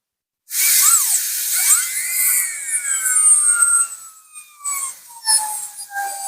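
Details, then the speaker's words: High-pitched dental drill whine, pitch dipping and rising under load, as a 330 bur cuts the gingival floor of a class II mesio-occlusal amalgam preparation on a maxillary second premolar (tooth 4), bench demonstration. "The burr needs to be visible at the gingival area, like this. You see the burr coming out."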